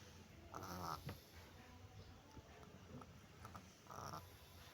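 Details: Cat snoring: two soft, raspy snores on breaths about three seconds apart from a sleeping cat over quiet room noise.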